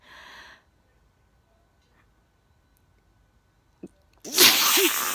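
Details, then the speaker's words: A person feeling a sneeze coming on, then sneezing wetly with spit, their second sneeze of the day; sneeze. "i can feel the sneeze coming on i'm not ready not sorry i'm going to"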